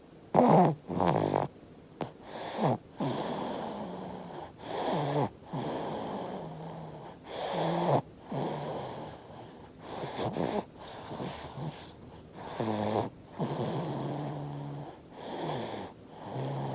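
Soft, repeated snoring with slightly snorty, buzzing breaths in a sleeping infant, separated by brief quiet pauses; ordinary infant snoring.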